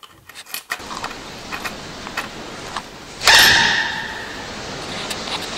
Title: Sneezing Baby Parrot